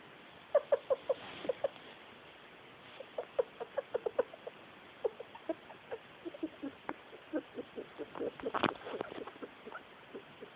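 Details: Pet female rat, about 1 year old, making repeated short squeaky chirps and clicks for a little under a week; owner finds it weird and worrying, an abnormal noise possibly from the airway.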